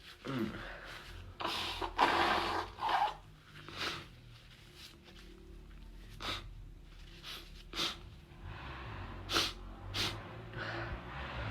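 A run of forceful, noisy bursts at irregular intervals, about eight in total, in a small room: repeated sneezing.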